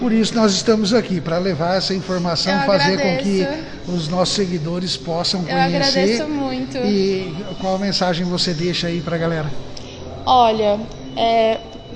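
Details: Adult speakers in interview; normal speech.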